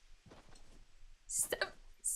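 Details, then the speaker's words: A young woman streamer with hiccups while talking: soft whispery breathing, then a short, abrupt catch in the throat, a hiccup. "please I'm suffering [Music] save me please"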